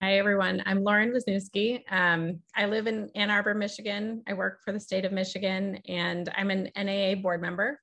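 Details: Adult woman speaking; Normal speech.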